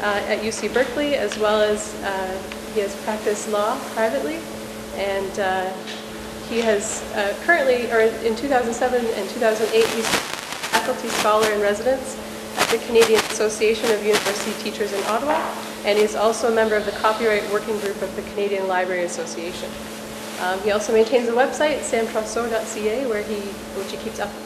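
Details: Adult woman speaking; normal voice.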